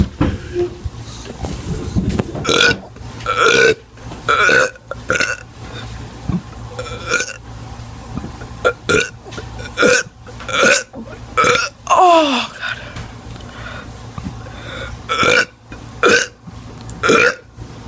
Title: Teen doing burps 17